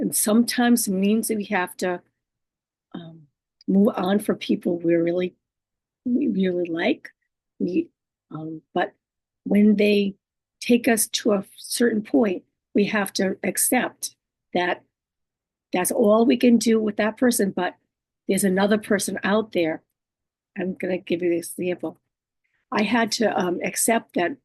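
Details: Adult woman living with aphasia, apraxia of speech, dysarthria and other communication disorders; she says her speech can be hard to understand and distorted: aphasia with apraxia of speech and dysarthria.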